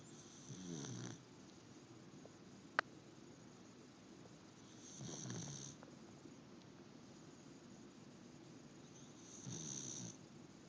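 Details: Soft, regular snoring breaths about every four to five seconds, with quiet pauses between, in a quiet room.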